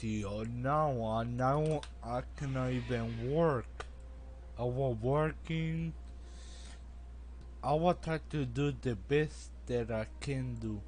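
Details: Adult man with Friedreich's ataxia, a genetic condition affecting him since age 18 and slowly worsening, which he says causes his speech; walks unsteadily, uses a walker at home and a wheelchair outside; ataxic dysarthria.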